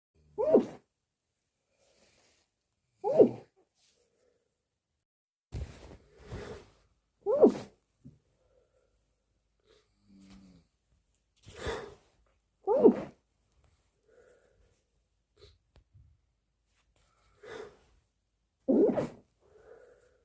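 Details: Late-night sneezes after a day with an itchy nose, deliberately muffled and stifled to avoid waking a sleeping roommate: about nine sharp sneezes spaced a few seconds apart in a quiet room.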